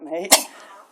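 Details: Dog howling in a duet with a person, then cut by one sharp, explosive burst; a dog's sneeze.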